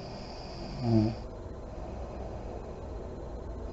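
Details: Sleeping mother in deep REM sleep, lights on: a single low, rattling snore on an in-breath, then quiet steady breathing against room noise.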